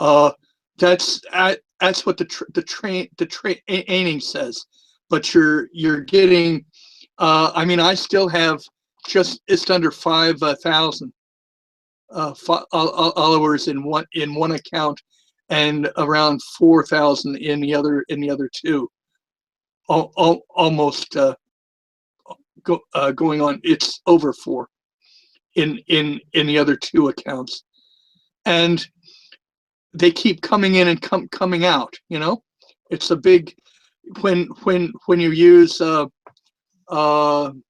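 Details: Retired adult male former social worker with a speech impediment, a lisp and stuttering for years, more noticeable with the microphone close to his mouth; stuttering.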